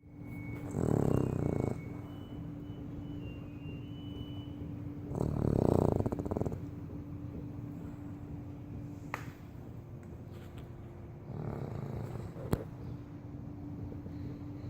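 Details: Dog, described as a heavy snorer, asleep on a tile floor: loud, rumbling snores about every four to five seconds, with quieter breathing between.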